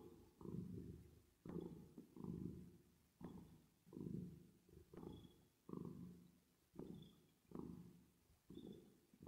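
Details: Low rumbling cat purr in repeated bursts with each breath, about 35 a minute, with a reverb effect added to the recording; cat purring.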